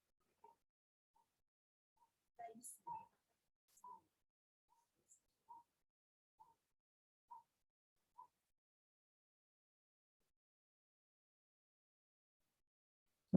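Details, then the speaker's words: Soft, short, regular grunts with each breath out, about 70 a minute, from a newborn in respiratory distress with chest indrawing and accessory muscle use: neonatal expiratory grunting. "so what problems do you see in that particular baby just in drawing difficulty in breathing baby in respiratory distress distress babies granting chest in drawing use of accessory"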